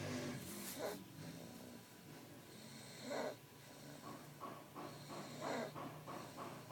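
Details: Rough, rattling snores recurring with each breath over a low, steady room hum: snoring.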